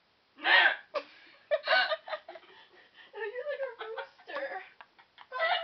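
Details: Sudden squeaky, crowing, rooster-like gulps repeating irregularly amid giggling and laughter; loud hiccups.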